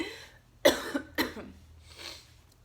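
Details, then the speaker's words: Adult woman who has been really sick for several days, voice affected, coughing: two sharp, loose coughs in quick succession in a quiet room, then a soft breath; acute cough during illness. "Also, excuse my voice, I've been sick, like really sick for the past few days. So my voice is not 100% there."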